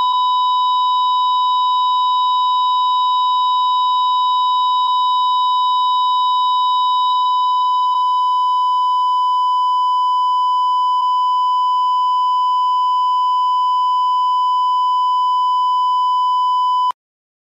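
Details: Hospital monitor flatline: single steady high-pitched tone held about 17 seconds, then stops, asystole alarm.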